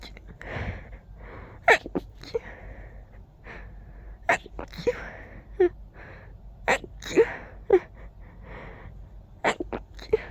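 Repeated short, sharp sneezes in quick succession with brief breaths between, some room noise: a sneezing fit.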